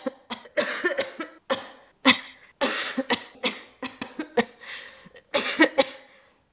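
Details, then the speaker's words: Adult woman with a chronic cough for 4 years, automatic and currently at its worst, voice strained from holding it back: a run of repeated harsh coughs in quick bursts. "mais croyez-moi je coupe chaque passage où je tousse de base ça ressemble à ça"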